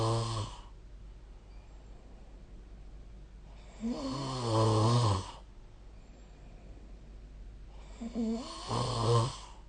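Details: Snoring recorded with the SnoreLab app during sleep: low, rattling snores on inhalation, about three in ten seconds, with quiet pauses between.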